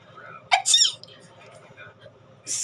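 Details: Sneezing: a single sharp, explosive sneeze burst with a quick intake of breath before it, in a quiet room, followed by an apology for the disturbance.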